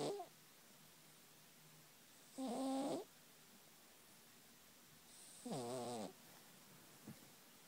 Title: Danny - Cat snoring